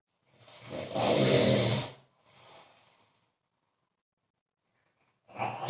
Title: snore snore